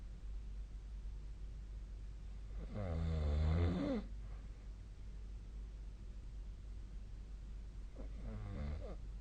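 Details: Two low, rattling snores on inhaled breaths against steady room hum, recorded during sleep on 2025-02-08; ordinary snoring.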